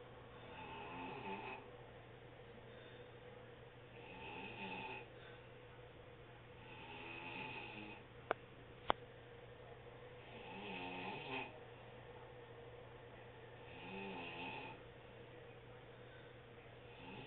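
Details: Adult woman (aunt) snoring while napping at 1 pm, recorded on an HTC mobile phone: repeated rattling snores with each breath, about five in seventeen seconds, with two sharp clicks midway.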